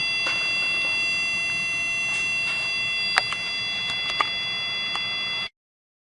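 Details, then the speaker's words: Steady high-pitched electronic alarm tone with a few clicks from a demonstration PCA infusion pump implementation: an empty-reservoir alarm detected by a hardware sensor, which stops infusion to prevent under-infusion. "this scenario shows that the empty Reservoir condition is detected through a sensor attached in the pump Hardware"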